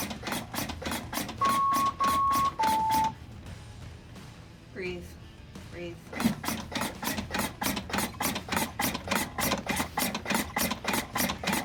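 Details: LUCAS automatic compression device, suction-attached over the chest and started with button 3: device beeps, then rapid, steady mechanical pumping of automated CPR compressions about 100 a minute; mechanical chest compressions.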